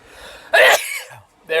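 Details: Single sharp, explosive sneeze after a brief intake of breath, then quiet; sneeze provoked by cayenne pepper.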